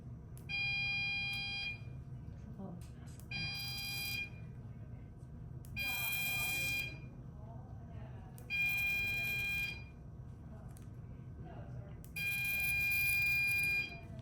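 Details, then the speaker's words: Office dermatology procedure under local anaesthetic: repeated loud high buzzing bursts of about 1–1.5 seconds over room hum as electrocautery seals a small oozing blood vessel. "This is a cautery that stops little b"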